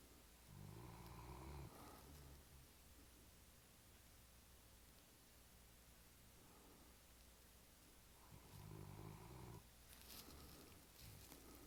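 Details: Low fluttering snores with pauses between breaths, over a constant background hum; snoring.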